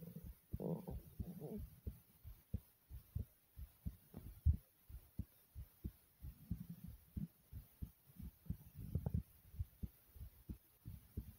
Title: Thumping Heartbeat